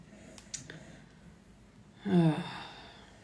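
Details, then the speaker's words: Sleeping female pet dog in a quiet room: after faint clicks, one low, rattling, half-second breath sound, a single snore. "Yeah. Do you all hear the dog snoring now? You see her? She's knocked."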